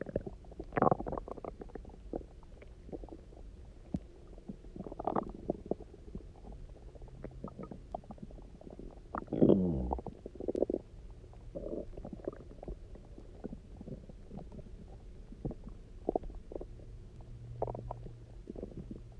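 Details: Soft, frequent gurgles and bubbly rumbles with one louder growl, quiet room, after about 24 hours of near-fasting, then drinking water and lying on the side; hunger borborygmi.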